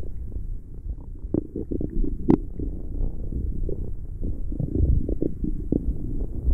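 Continuous gurgling and bubbling rumbles with brief squeaks, typical stomach growling from gas and fluid moving through the gut.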